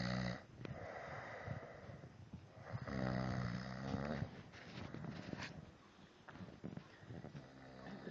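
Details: Irregular rough, rattling snores in a small room, loud enough to drown out the TV: snoring.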